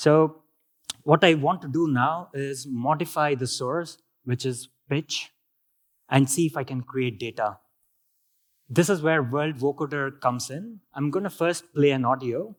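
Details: Adult male speaker; healthy speech.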